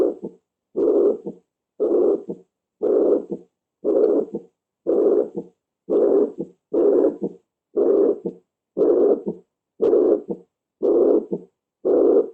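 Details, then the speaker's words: A chronic mitral regurgitation murmur, heard at the mitral area in a patient whose condition has progressed with heart failure: a regular heartbeat near 59 a minute, each beat carrying a long blowing systolic murmur with a reinforced, loud second sound. "este es el mismo soplo pero que ya el paciente ha pasado el tiempo se ha ido complicando con ese cardíaca y ya es una insuficiencia mitral crónica y me da esta sonoridad con un reforzamiento en el segundo ruido"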